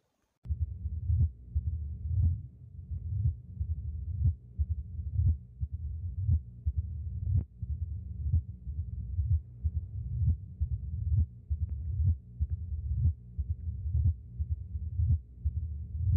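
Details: Mitral stenosis teaching recording: heartbeat at about 60 a minute with low rumbling filling the gaps between beats, described as an abnormal sound with opening snap and diastolic murmur; narrowed mitral valve.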